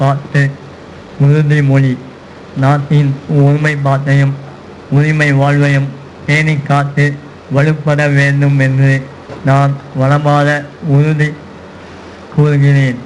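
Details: Adult male speaker; hyponasal resonance.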